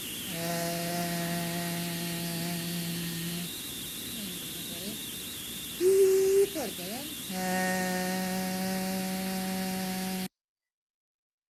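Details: Breathy voice in a previously intubated patient with suspected post-COVID myopathy; congested vocal folds, complete closure but reduced contact attributed to thyroarytenoid muscle weakness.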